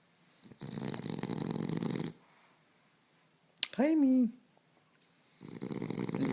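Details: French Bulldog snoring while asleep cuddled in a blanket: loud, rattling breaths roughly two seconds long separated by pauses, with a brief whine between them.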